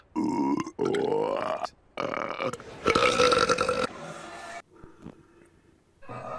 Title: cartoon characters Burping